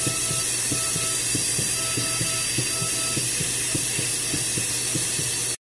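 Steady high hiss with a fast, rhythmic ticking, from a dental instrument running during a dog's dental treatment.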